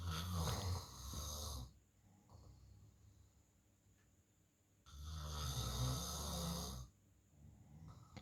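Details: Sleeping adult man: two loud, rattling snores on inhaled breaths, each about two seconds, separated by quiet pauses in a small room; snoring.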